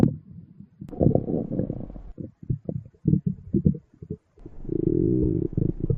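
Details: Female stomach growling sound effect: low gurgling and rumbling bursts with a longer drawn-out growl near the end; stomach growling (borborygmi).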